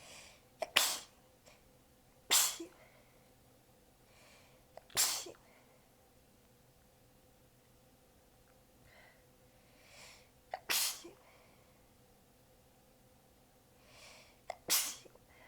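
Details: Sneezing fit in an exhausted person with sore abs, sneezes partly held back, clips joined while changing positions, including lying facedown: six sneezes over about fifteen seconds, several with a quick catch of breath before, most fairly weak.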